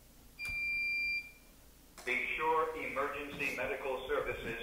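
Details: AED training demonstration: a steady electronic tone, then recorded voice prompts as the automated external defibrillator switches on.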